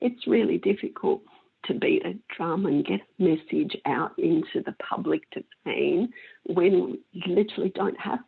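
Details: Woman with mixed adductor and abductor spasmodic dysphonia for 16 years, treated with Botox injections into the larynx that stop some spasms; spasmodic dysphonia (mixed adductor and abductor).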